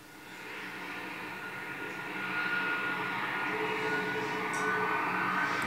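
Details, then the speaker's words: Simulated tinnitus from a documentary: a steady, rising roar like jet engines with a high whine, representing a woman's constant tinnitus heard inside her head in a quiet house with the windows closed. "l'armada n'est encore ni de survol d'appareils ce bruit c'est un acouphène"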